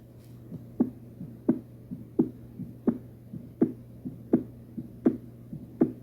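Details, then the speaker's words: Mechanical aortic valve replacement heard in an MRCP station 3 cardiovascular examination: regular heartbeat about 82 a minute with a sharp metallic click coinciding with the second heart sound. Prosthetic valve disease goes with a midline sternotomy scar. "in Artic valve replacement the click sound will coined with this2 concentrate and"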